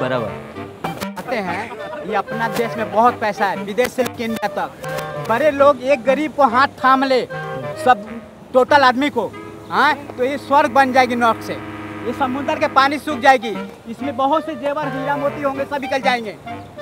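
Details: Adult man, member of the public; normal speech.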